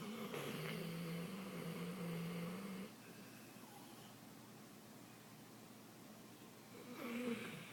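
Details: Dog snoring extremely loudly: a long, droning, buzzy snore, a quiet pause, then another snore begins.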